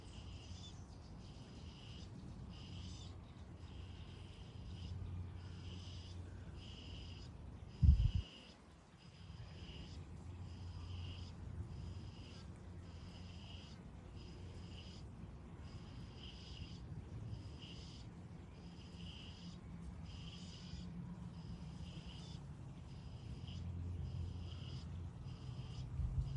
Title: I heard the sound of the badger snoring while it slept.#badger #cute #funny